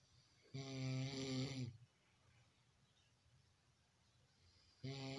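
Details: Loud, low, rattling snores on each breath in, with quiet pauses between: snoring caught live on camera.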